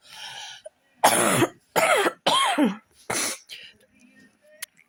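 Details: Adult recording their own cough, now on antibiotics: four loud harsh voluntary coughs in a quiet room, each a short voiced burst, consistent with an upper respiratory infection.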